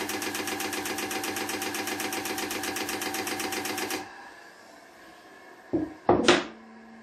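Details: Professional long-pulse diode laser hand piece operating: rapid steady mechanical pulsing with a fan hum for four seconds, then stopping, followed by two clicks.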